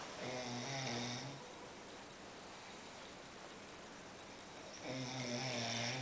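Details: Heavy nightly snoring: two long, loud rattling snores on the in-breath with a quiet pause between; steady snoring.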